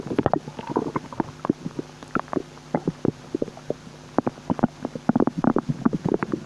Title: new bubbling stomach noises ☺💓